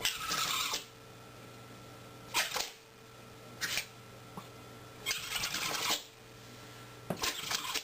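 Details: About five short, sharp, hissing bursts over a steady background hum, from a compilation of various animals sneezing.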